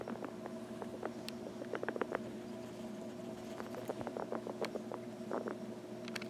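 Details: Breathing from a small animal named Wally, with irregular wet clicks and crackly, motor-boat-like gurgles over a steady humming background: gurgling respiratory sounds.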